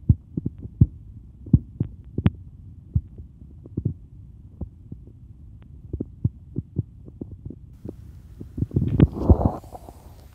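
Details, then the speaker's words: Soft regular thumps at about 80 a minute through a Littmann Cardiology IV stethoscope as the cuff deflates during an auscultated blood pressure demonstration; Korotkoff sounds mark the systolic and diastolic readings. "But after you first hear it, you're going to continue hearing it. It's going to feel sound like a heartbeat, like beat, beat, beat, beat. And it's going to eventually disappear because that turbulent blood flow is no longer turbulent."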